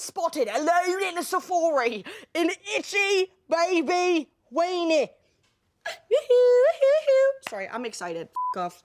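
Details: 21-year-old woman with Tourette syndrome whose tics include sudden repetitive twitches, sounds and movements; involuntary vocal tics interrupting her speech; vocal tics (Tourette syndrome).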